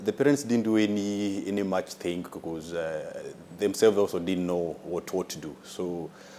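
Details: Adult man with a stammer since childhood, judged mild by the doctor, with delays on some words that worsen when nervous; stuttering.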